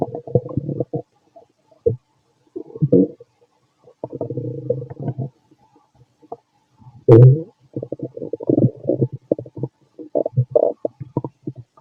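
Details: An adult male's stomach, recorded after lunch and a carton of milk, makes repeated low gurgles and rumbles in irregular bursts with pauses; active normal bowel sounds of digestion.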